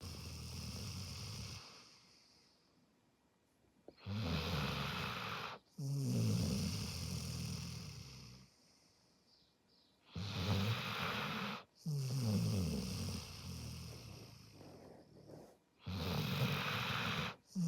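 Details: Loud rattling snores on breaths in and out, about 10 breaths a minute, with a steady rough fluttering on each breath.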